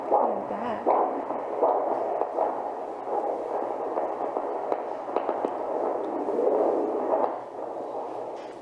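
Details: Handheld Doppler at a 16-week prenatal visit, fetal heart found low near the mother's hip: rhythmic whooshing pulses through static, the fetal heartbeat heard for the first time.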